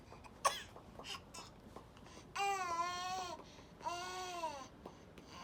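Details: Voluntary fake cough: an infant, sitting for the first time, gives a brief cough-like burst, then two drawn-out voiced 'eh' sounds, a playful, deliberate false cough.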